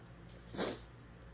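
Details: Female, stuffy and with a tickling nose, trying to hold back a sneeze: a single short, forceful nasal burst of air, a snort or stifled sneeze, in a quiet room; snorting.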